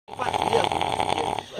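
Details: An uncle snoring on a country farm: a single rough, rattling inspiratory snore with a buzzing, fluttering quality.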